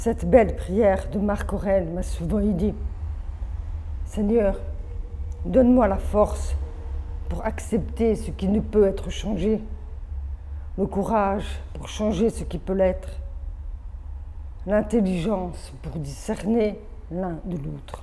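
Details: Adult woman born deaf with over 80% hearing loss from maternal rubella in early pregnancy, who had hearing aids from age 7, oral upbringing, speech therapy through middle school and phoniatric voice work; deaf speech (prelingual profound hearing loss).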